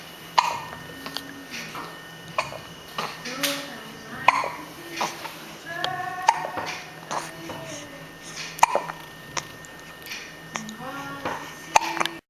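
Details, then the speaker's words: Baby with hiccups: repeated short, abrupt hiccup catches roughly every second, mixed with small vocal sounds while the baby moves, over a steady background hum; hiccups. "Hi, cutie pie. You got the hiccups?"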